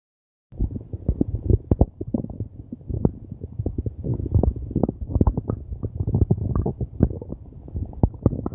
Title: stomach growling in crying